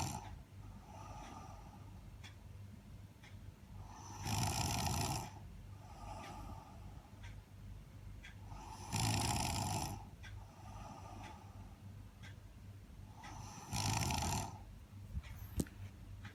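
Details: Overtired person snoring: loud, rasping snores about every five seconds, roughly 13 a minute, with quieter breathing between: ordinary snoring.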